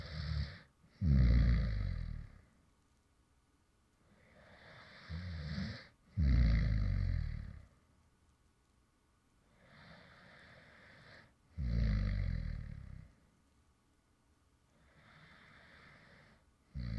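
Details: Man's real light snoring, recorded after he fell asleep mid-recording: low rattling snores on breathing in alternating with quieter breaths out, about 12 breaths a minute; light snoring during sleep.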